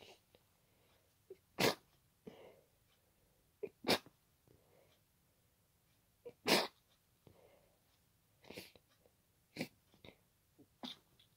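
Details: Night-time sneezing fit with nasal congestion, watery eyes and nose tickling that the person attributes to pollen: about eight repeated sharp, wet sneezes with soft snuffling breaths between.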